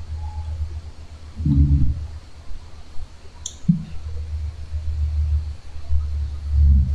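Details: Adult man snoring while asleep at a woodland campsite at night. Low, rough, growl-like bursts recur against a deep outdoor rumble with a sharp knock. Snoring.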